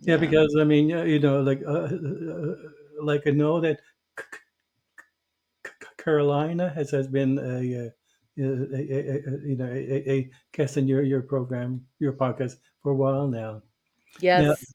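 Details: Stuttering in an adult man who stutters, formerly a covert stutterer for many years; real, not acted.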